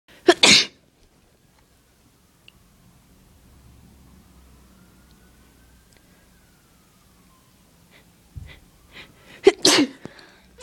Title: Itchy Tickly Sneezes